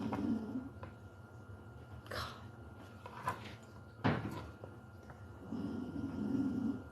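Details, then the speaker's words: Pet dog asleep and snoring in the background of a live recording. "you hear him snoring he is so freaking cute I can't I can't take it"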